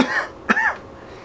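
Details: Acted single short throaty cough with a throat-clearing quality, in a comedy sketch; the cough is remarked as sounding bad.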